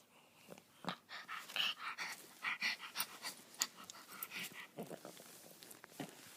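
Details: Overweight Chihuahua with quick, irregular, noisy breaths and short wheezy snorts, a rapid panting-type breathing that the owner calls snoring.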